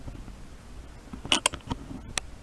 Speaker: Oh my god, I sound like I got birds in my stomach. Oh my god. That's hilarious.